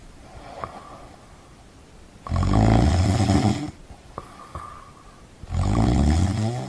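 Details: Sound-effect recording of snoring: two loud, low, rattling snores on the in-breath, each separated by a quieter breath out, at roughly 20 breaths a minute.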